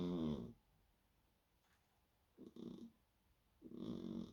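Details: Sleeping cat snoring: soft, buzzy snores on each breath in a quiet room, roughly three in four seconds.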